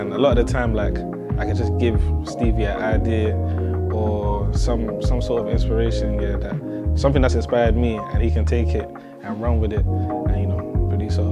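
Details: Adult man speaking; normal speech.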